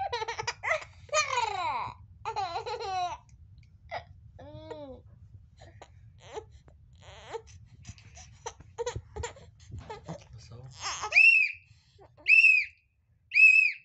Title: cute baby laugh and cry together